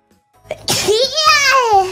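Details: VTuber sneezing while also having a cough: a single explosive sneeze after a brief inhaled build-up, with a voiced, sung-out tail and faint background sound.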